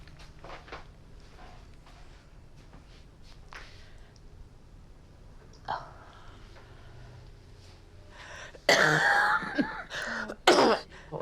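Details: An adult patient at an NHS mobile GP surgery with a persistent cough. After a quiet stretch of room noise come a couple of harsh, forceful coughs.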